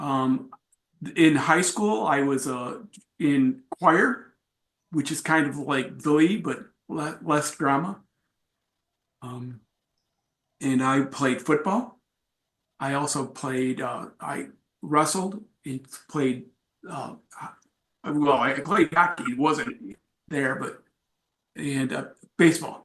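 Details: Aphasia in an adult male, acquired after a traumatic brain injury from a bike accident without a helmet and about a month in a coma, about four and a half years post injury, presenting at an aphasia support group.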